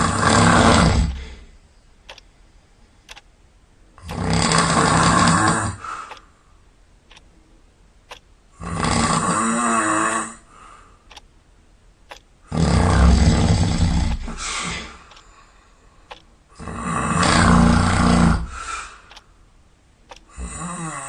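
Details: Molly, sound asleep at night, with loud, rough snores on each breath about every four seconds and quiet gaps between, roughly 14 breaths a minute: snoring.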